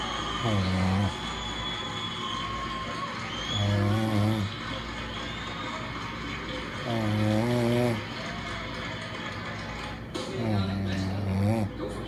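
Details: Boyfriend snoring loudly while very tired: loud, low, buzzing voiced snores every three to four seconds, about 17 per minute, over steady background noise.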